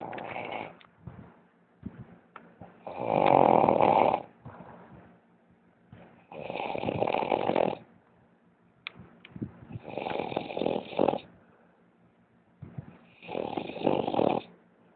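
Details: A man snoring heavily: loud, rasping snores about every three and a half seconds, about 17 breaths a minute, with snorting catches between them: snoring.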